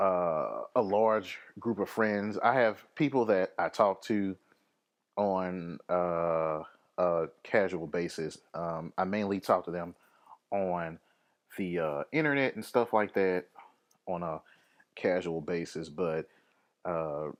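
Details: Adult podcast host with a lifelong occasional stammer, linked to anxiety, fear of public speaking and depression; stuttering.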